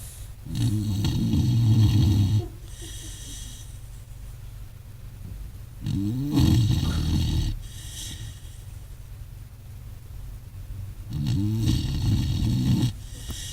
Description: This puppy, about 6 months old, can out snore most things bigger than her.